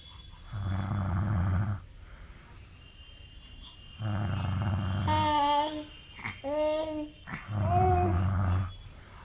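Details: Tired father sleeping beside his 6-month-old baby: low rumbling adult snores, with the infant's annoyed fussing cries between them, in a small room.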